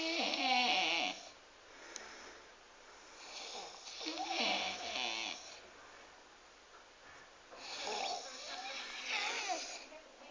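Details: Big Romanian man snoring like a pig: loud, rough, gurgling, rattling snores, three bursts about four seconds apart, in a quiet room; snoring.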